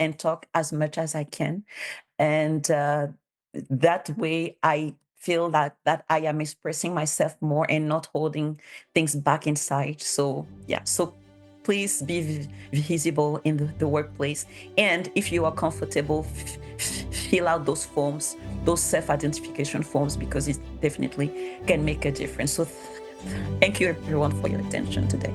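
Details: Bilingual adult woman who stutters, has self-declared her stutter as a disability, and cites speech therapist documentation; real conference speech, consistent with stuttering.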